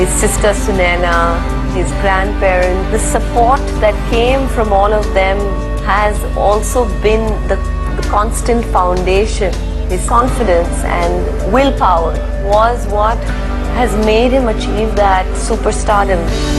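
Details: Adult woman speaking; fluent speech, no speech disorder.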